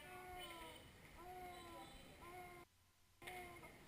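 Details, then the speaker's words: Child with shortness of breath in a bronchiolitis/croup training case, with large subcostal retractions, fast breathing and increased work of breathing: expiratory grunting. "finally the sound he's making is grunting showing tha"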